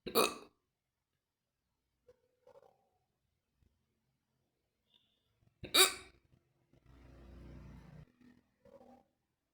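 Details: Fast, deep hiccups described as painful: two abrupt, forceful hiccups several seconds apart in a quiet room, with faint rustling between them; hiccups.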